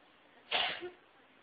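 One sharp sneeze burst heard in a quiet room.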